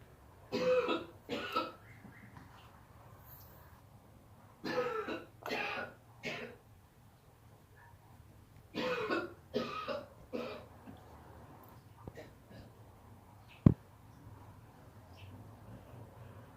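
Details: Mother coughing: three bouts of two to three harsh coughs each, about ten in total, spaced a few seconds apart, in a quiet room.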